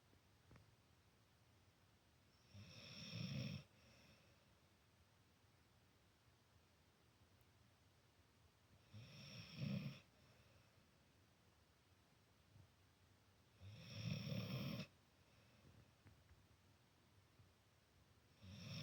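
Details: Dog snoring loudly while asleep next to a cat: three loud, rough snores about five to six seconds apart, roughly 11 a minute, in a quiet room.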